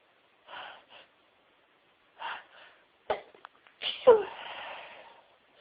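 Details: Woman who has been very sneezy all day, some sneezes stifled: breathy in-breaths and sniffs build to a sharp, forceful sneeze, then a long voiced trailing breath; sneezing.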